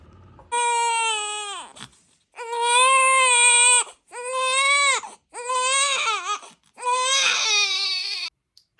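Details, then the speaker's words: Four-week-five-day-old newborn daughter described as colicky, crying around 4:45 AM after barely sleeping and cluster feeding; she cries whenever put down. Repeated high-pitched, sustained wails in long bursts with short gasps. "रो रही है, थोड़ा थोड़ा दूध P रही है, that's cluster feeding. जैसे ही मैं लिटाती हूँ रोने लग जाती है।"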